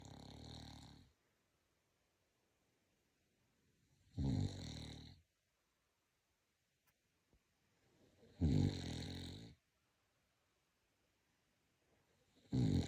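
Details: Sleeping pug snoring loudly: rough snores about every four seconds, roughly 14 a minute, with silence between.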